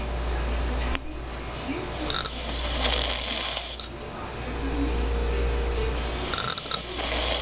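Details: Loud, rough, irregular snoring from a sleeping man against a steady low background hum; snoring.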